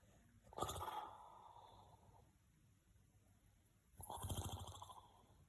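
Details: 84-year-old person snoring: two low, rough, fluttering snores a few seconds apart, each followed by a quiet pause, with steady room noise.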